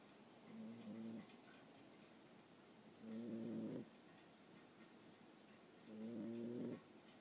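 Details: Boxer puppy about 9.5 weeks old, asleep: soft buzzing snores, about 21 breaths a minute, fluttering tone with quiet pauses between; snoring.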